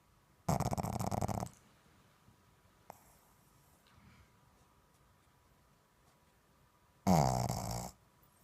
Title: Pug snoring